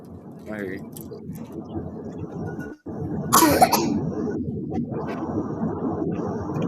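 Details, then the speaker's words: Young child (grandbaby) coughing at sleepy time, not said to be sick: a brief cough burst heard over steady road noise inside a vehicle. "Uh, I hear the grandbaby coughing. Is she sick? >> No, she's she gets to coughing when it's sleepy time."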